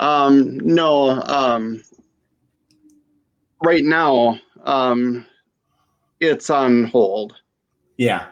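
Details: Aphasia after stroke in a female stroke survivor.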